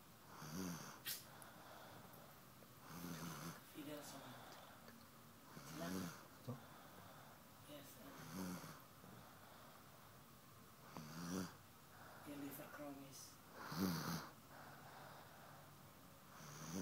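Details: Snoring from Bentley: rough, rattling snores at irregular intervals, roughly ten a minute, in a quiet room.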